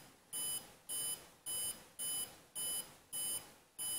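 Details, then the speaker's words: Regular electronic beeps, one per detected pulse, about 105 a minute, over faint room noise. A homemade Arduino fingertip pulse sensor with an OLED trace is tracking the heartbeat while the wearer keeps still, as talking and movement disturb the reading. "I'm just moving slightly as I'm talking it's all over place I'll just keep quiet for a second"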